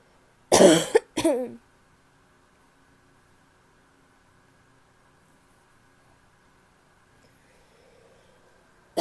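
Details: Two harsh, loud cough bursts in quick succession from a female, the second with a rough, honking quality, followed by quiet room tone: a barking cough.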